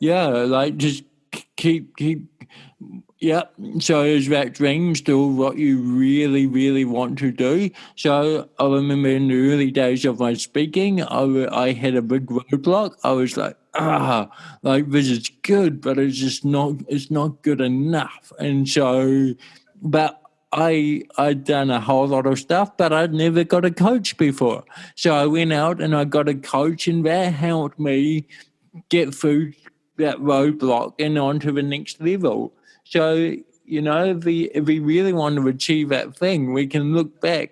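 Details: Dysarthria from congenital cerebral palsy in an adult male born in 1984, with walking also affected, who had daily speech therapy for his first seven years.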